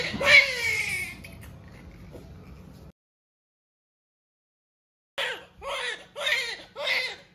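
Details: Newborn just delivered at a lying-in clinic, the mother's fourth baby at 39 weeks of pregnancy: a loud cry with a falling tone, then quiet, then a run of short rhythmic wails; a normal newborn cry.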